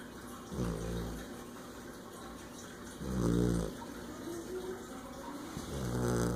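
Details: Snoring: low, rumbling snores come every few seconds over steady background noise, with about three snoring breaths heard.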